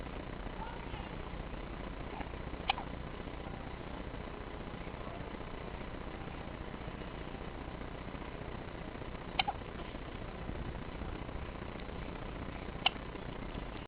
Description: hiccupping